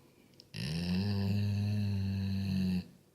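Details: Sleeping Golden Retriever dog in Croatia: a single long, loud, low buzzing snore of about two seconds on an in-breath, in a quiet room; snoring.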